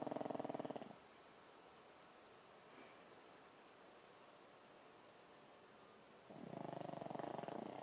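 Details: Snoring: fluttering, vibrating snores on breaths about six seconds apart, roughly ten a minute, in a quiet room.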